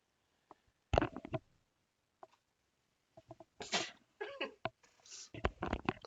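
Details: Adult woman during a live show has a sneezing fit, several sharp, explosive sneezes with short quiet gaps and small clicks between; she jokes about worrying it might be covid again.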